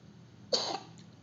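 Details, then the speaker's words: Single abrupt, harsh quarter-second cough from a cat in a quiet indoor room; owner wonders whether it caught a cold or swallowed fur. "Как маленький ребенок кашляет. Ну, что, порядок? Все, откашлялся?"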